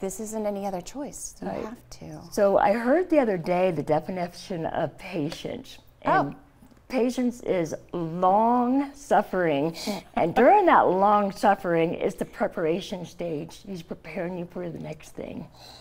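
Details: Adult woman, stage 4 epiglottis cancer treated with surgery, chemotherapy and radiation; open tracheostoma covered by thumb to speak; partial glossectomy for tongue cancer; no teeth or saliva glands from radiation; tracheostoma speech with slurred articulation.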